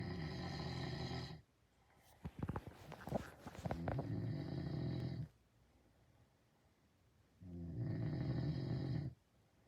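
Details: A man asleep, who denies that he snores, gives loud, low, rattling snores with each breath, roughly every three to four seconds; snoring.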